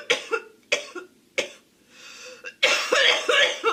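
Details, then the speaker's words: Girl, who says smoking really gets her and she can barely speak, gives several short harsh coughs with some throat clearing, then a rapid run of coughs; a repeated dry-sounding cough. "something. Smoking really gets me. I can barely speak."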